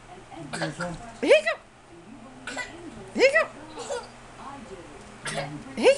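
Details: Shawn suddenly got hiccups while eating at the table: sharp, abrupt voiced gulps recurring irregularly, about three in six seconds, with soft talk between; hiccups.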